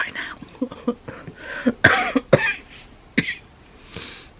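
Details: Adult whose cold kicked off their chest again, unwell and taking chest medication: several harsh, loose coughs in a short run amid throat noise; chest cough.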